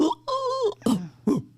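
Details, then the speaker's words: Adult imitating the classic hoarse, short, barking cough of croup (laryngitis) in children, the cough heard in the waiting room. "certo sim clássica tosse que você ouve lá na sala de espera Sim já sabe que a criança está com uma laringite"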